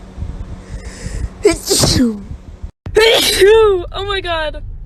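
A sharp inhaled build-up, then an explosive sneeze burst and a second voiced sneeze; a pair of sneezes.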